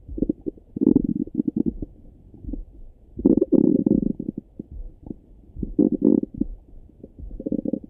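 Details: Gurgling, bubbling abdominal rumbles in irregular bursts heard through a stethoscope in the morning; ordinary bowel sounds (borborygmi) of a rumbling stomach.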